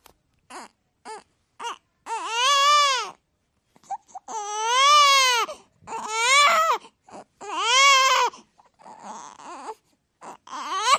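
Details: Sound-effect recording of an infant crying and screaming: short whimpers building into long, loud, rising and falling wails with brief gasps between.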